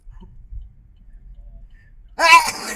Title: Funny grandma sneeze part 2